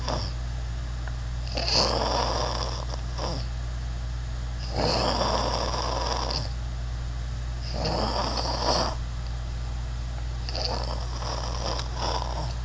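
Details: Human snoring with many varied sounds: four loud, rough snores about every three seconds, roughly 20 breaths a minute, over a steady low hum.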